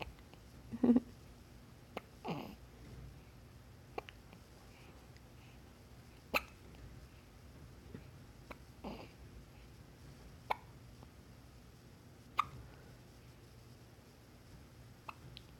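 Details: A newborn baby girl, surprised by her own hiccups, gives brief sharp hiccup sounds at irregular intervals, about seven in fifteen seconds, in a quiet room; hiccups.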